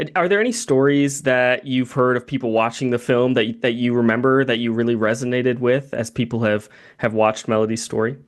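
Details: Adult male speaker; typical speech.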